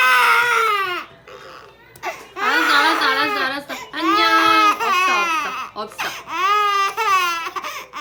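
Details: 7-month-old baby frightened by a bumblebee cushion's beep: loud, tuneful crying in bursts with short breaths between, an ordinary distressed cry.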